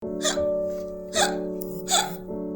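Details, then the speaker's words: Three abrupt hiccups over steady background music, demonstrating hiccups in an explainer about the diaphragm. "ऐसी voice कई बार सुनी होगी। इसे हिक्कप्स कहते हैं, मतलब हिचकी।"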